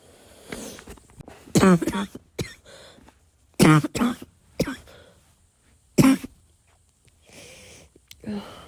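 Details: Several irregular wet coughs with throat clearing and snorting in a quiet room, from a person whose cough kept them awake the night before.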